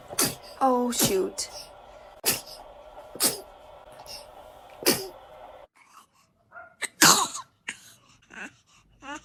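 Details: A baby sneezing: a run of several short, sharp infant sneezes with brief vocal sounds between them and soft room noise.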